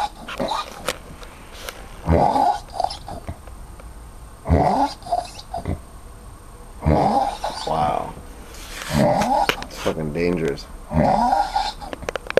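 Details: Person snoring heavily after drinking too much Korean soju: loud, rough snorting breaths in irregular bursts roughly every two to three seconds, with room noise.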